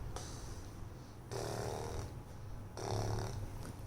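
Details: A baby boy pretends to sleep, making deliberately imitated low, rough snoring breaths every one to two seconds; acted, not real snoring.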